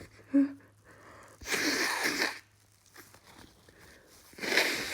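A quick run of sharp, forceful sneezes with brief indrawn breaths between them; repeated sneezing.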